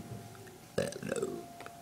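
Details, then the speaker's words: A deliberate, demonstrated burp made by sucking in and holding air, then forcing it out: a low, croaky voiced rumble under a second long over faint room hum. "l right this is and is about to demonstrate how to burp"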